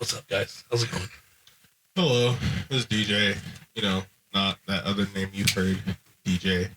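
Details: Adult male speaker; normal speech.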